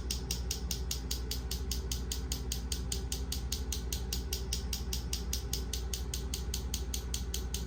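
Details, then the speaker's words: Focused shockwave therapy on a marathon runner's hamstring strain, delivered during active range-of-motion loading: rapid, steady mechanical tapping about 150 pulses a minute, like a small jackhammer. "we're going to have her go through kind of an active range of motion active loading into the tissue as we're delivering some of the shock wve into uh the area where she had the original injury"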